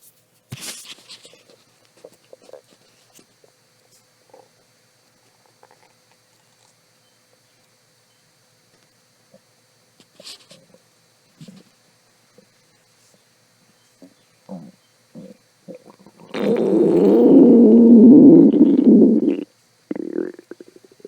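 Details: Stomach growling before lunch after skipping breakfast: scattered soft gurgles and clicks, then a prolonged low rumbling growl of about three seconds, hunger borborygmi.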